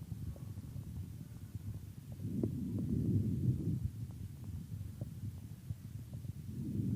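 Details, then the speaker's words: Normal vesicular breath sounds: a soft, low rustling from the elastic alveolar walls, loudest on inspiration and fading quickly during expiration. "поэтому везикулярное дыхание представляет собой мягкий по характеру шум который в основном определяется в течение фазы вдоха прослушайте везикулярное дыхание"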